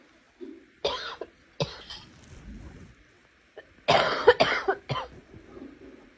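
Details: Two clusters of short, harsh coughs with quiet gaps between them; repeated coughing.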